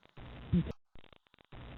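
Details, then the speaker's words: Expiratory wheeze in asthma: muffled breath noise with a brief musical, squeaky whistling tone from narrowed airways, followed by a pause and soft clicks. "wheezing so as you can hear it's kind of a squeaking sound so using is a whistling sound"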